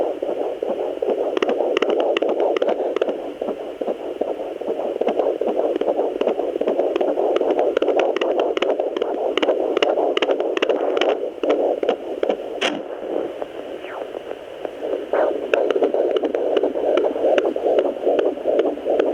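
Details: Fetal heartbeat on a home handheld Doppler at 17 weeks of an IVF twin pregnancy, a boy and a girl: rapid whooshing pulses about 150 per minute.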